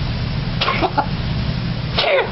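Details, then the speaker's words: Cat with chronic bronchial disease / feline asthma, two short, dry hacking coughs bringing some mucus up into the mouth, which is swallowed rather than spat out; cat cough. "another one so qui tam dry sounding cough but with some productive mucus"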